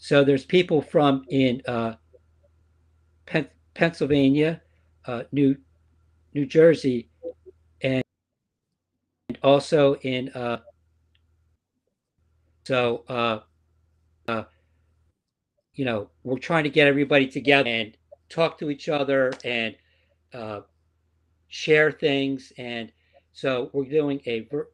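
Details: Woman with aphasia after a stroke, a member of an aphasia support group; word errors are heard; aphasia.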